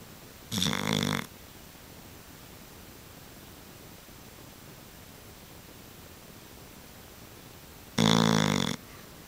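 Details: Old Tyme Bulldog snoring in sleep: two loud, rattling snorts about seven seconds apart, with a steady background hiss between them.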